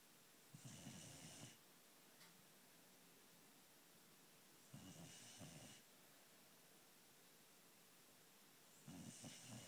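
Three rough, fluttering snores about four seconds apart, roughly 15 breaths a minute, with quiet pauses between.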